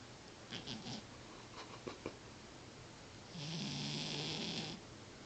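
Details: Snoring in a sleeping cat: a few soft snuffling breaths, then a longer raspy, fluttering inhaled snore; quiet room noise.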